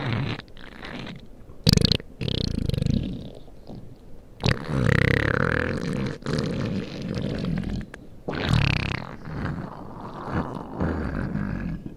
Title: my stomach growling